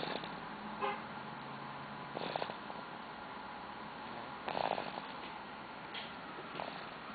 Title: Snoring (9 weeks)